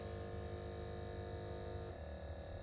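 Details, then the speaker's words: Automatic Bluetooth upper-arm blood pressure monitor cuff inflating on a seated, relaxed adult, arm supported at heart level: steady low motor hum with slight pitch shift as cuff tightens. "as I'm doing this I'm feeling the cuff tighten on my arm again if you've ever used a blood pressure monitor you'll know this is a very very similar experience to what you've had before"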